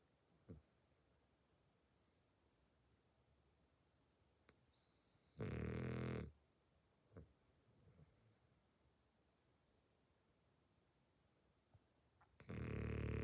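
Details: Sleeping French bulldog snoring: loud, low rattling snores about six seconds apart, with quiet pauses and small snuffles between.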